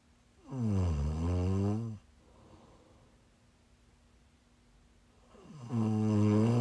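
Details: Two long, loud, rattling inspiratory snores with a quiet pause between, in a small room; snoring from a person who is sick, recorded during a live stream.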